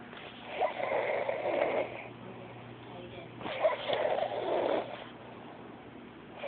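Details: Cousin deeply asleep, snoring: two harsh, rasping breaths about three seconds apart, roughly 20 a minute, with quiet room noise between; snoring.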